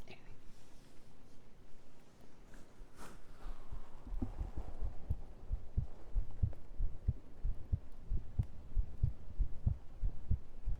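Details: Soft muffled handling noise, then steady low thumping heartbeat at roughly 90 beats a minute, played during an ASMR stream; ordinary heartbeat.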